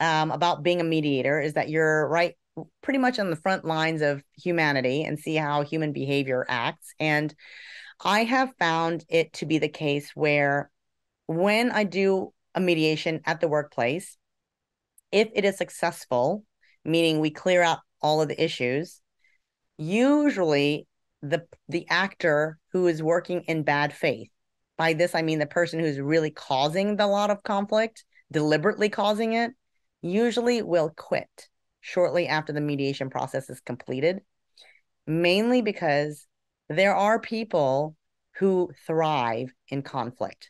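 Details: Adult speaker; ordinary speech.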